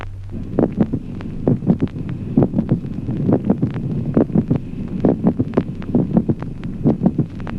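Regular heartbeat at about 67 a minute, with a brief sharp extra sound midway between the first and second heart sounds: a mid-systolic click. Low background hum.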